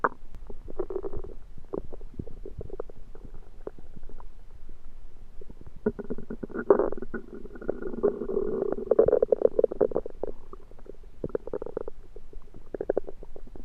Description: So one day late in February 2023 I had something I cooked suddenly late after eating it made strange sounds in my Belly. I think I under cooked it.